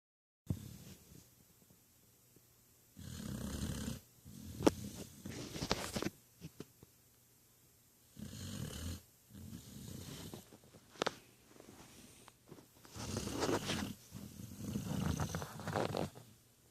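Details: Sleeping puppy snoring: rough, rattling snores on each in-breath, separated by quiet pauses, about five or six breaths.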